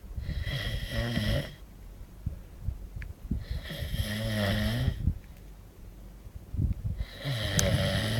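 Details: Man snoring in Benidorm, 2009: three loud, rattling snores with a low vibrating buzz on each inward breath, separated by quiet exhalations, about 21 breaths a minute.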